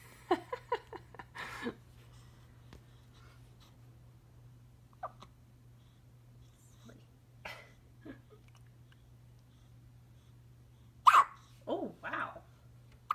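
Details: Quick run of small, sharp hiccups, then scattered single hiccups and soft fussing, over a steady low hum, from a 1-week-old baby; hiccups.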